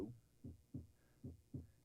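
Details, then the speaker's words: Normal heart sounds from an example recording: regular lub-dub pairs at about 75 beats a minute, the sound of the valves closing, S1 and S2. "Alors, on entend là le son des valvules. Sound 1, 2, 1, 2."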